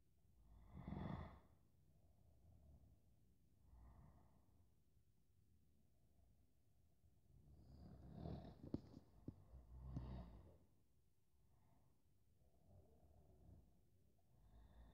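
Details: Real recording of a person asleep: quiet sleep breathing with a few louder snorting, rattling snores.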